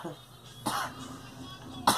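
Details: A girl coughing: two short, sharp coughs about a second apart, with faint music in the background.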